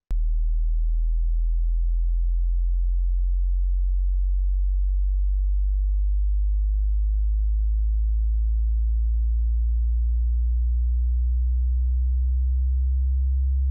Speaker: se puede hacer fácilmente usando un barrido de frecuencia que les demostraré ahora, así que mantengan el volumen ajustado para que el sonido sea casi audible y durante los próximos 60 segundos escucharán.